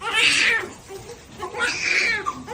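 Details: Newborn girl immediately after a natural vaginal birth: two loud, high-pitched wailing cries; a vigorous normal newborn cry.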